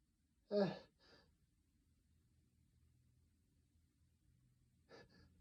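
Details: Induced sneezing in a male whose nose is sensitive from cold weather: one sharp sneeze with a short follow-on burst, then quiet and a smaller second sneeze-like burst near the end.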